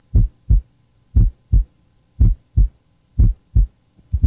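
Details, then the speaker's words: Normal S1 and S2 heart sounds auscultated with a warmed stethoscope diaphragm over the PMI at the apex (left fifth intercostal space, midclavicular line) while taking an apical pulse: regular lub-dub at about 60 beats a minute. "place the warm two diaphragm of the stethoscope over the PMI and oscul take the normal s1 and s2 heart Salas lub-dub lub-dub"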